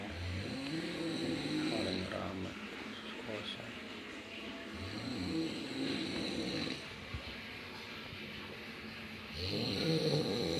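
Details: Snoring from a sleeping friend, recorded as a prank.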